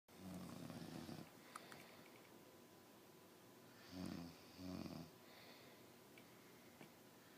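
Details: Adult man (fiancé, who claims he doesn't snore) asleep: low rattling snores with long quiet gaps between them over steady background hiss: snoring.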